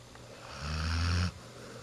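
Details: Single low, rumbling snore about a second long, ending abruptly against quiet room noise, from a nine-month-old dog who snores like an old dog; snoring.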